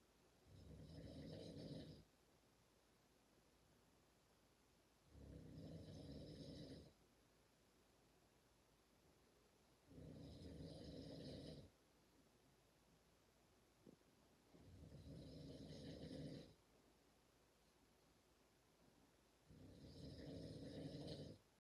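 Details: Two sleepers, one of them a dad, snoring together: regular low rumbling snores, about 12 a minute, in a quiet room.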